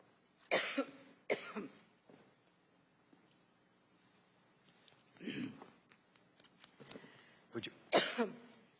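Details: An adult woman has a coughing fit while testifying at the House Benghazi hearing: a run of about five dry, harsh coughs with short pauses between them.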